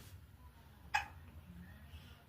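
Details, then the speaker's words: Baby hiccups: a single short, sharp hiccup from a baby in a quiet room. "You got the hickimma cups. Yeah, I think you do. I think that means you're growing."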